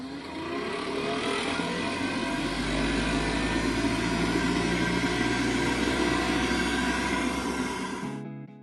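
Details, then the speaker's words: Steady loud motor and fan roar builds for several seconds then cuts off: an air transportable isolator, a stretcher unit for transporting patients with highly infectious diseases, being switched on. "that was the sound of an air transportable isolator or ati being switched on"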